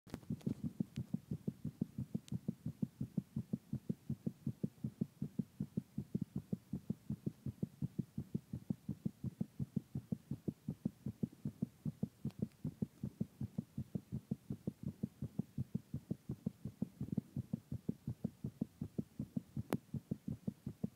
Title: Drunk friend's heartbeat after a party at night.